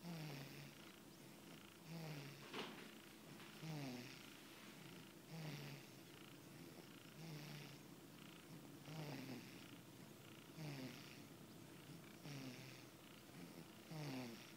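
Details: A cat resting after feeding snores in a steady rhythm, with low rattling breaths about 35 times a minute.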